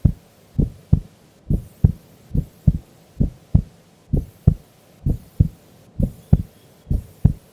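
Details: Heartbeat of a sleeping female during an afternoon nap: steady, regular lub-dub beats at about 65 a minute, normal resting heart sounds.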